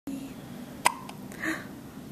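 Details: A baby with hiccups: a single abrupt hiccup breaking into soft vocal noise; infant hiccups.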